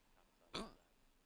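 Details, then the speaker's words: Person with frequent recurring hiccups: a single abrupt, quiet gulping catch against faint background noise; hiccup. "oh my God I have hiccups"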